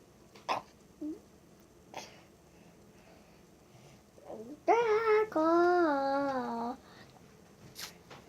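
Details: Young male, described as burping a lot: several brief, sharp hiccup-like sounds at irregular intervals, with a short voiced sound in the middle.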